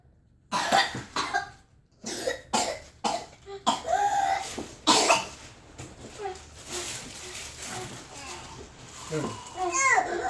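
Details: Child with whooping cough trying to sleep: a run of harsh, closely spaced coughs, then crying and strained breathing, urged to breathe and spit it up; a pertussis coughing fit.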